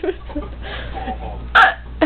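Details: Two abrupt, sharp voiced gulps amid quiet talk and room noise from a person with an ongoing bout of painful hiccups that won't stop; hiccups, involuntary diaphragm spasms.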